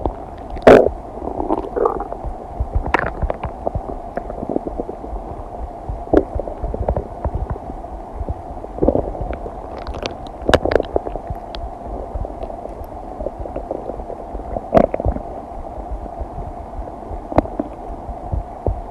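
Frequent gurgles, pops and rumbling over a steady low hum, ordinary stomach digestion sounds after a meal.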